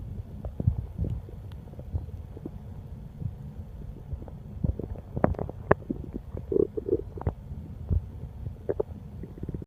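Irregular low gurgling and rumbling with brief squeaky bubbling notes; stomach growling from hunger, a normal finding.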